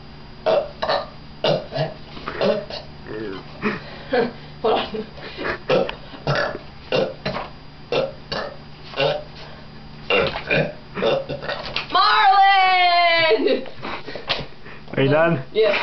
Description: She can burp like a madman